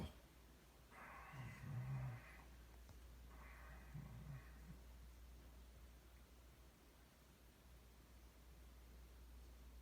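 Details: Person fast asleep, filmed by their mother: two rough, rattling breath sounds a few seconds apart over a steady low hum, then quiet; snoring during sleep.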